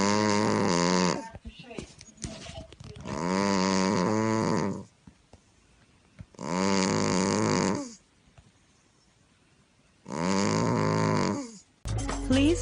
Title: Very Cute Cat Snoring In Deep Sleep